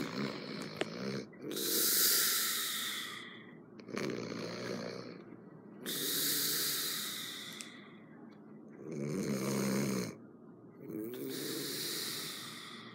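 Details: Heavy snoring from a roommate: loud, harsh snores with hissing airflow and snorts about every two seconds, some with a low rattling flutter.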